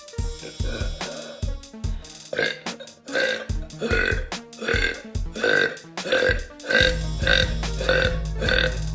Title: Girl Burps